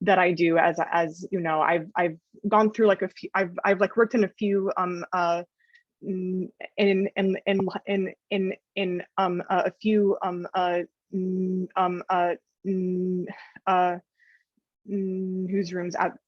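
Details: Adult woman journalist who stutters, speaking with frequent fillers and blocks; stuttering.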